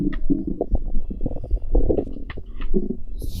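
Continuous low gurgling and bubbling from the abdomen, with irregular rumbles; active bowel sounds from the stomach.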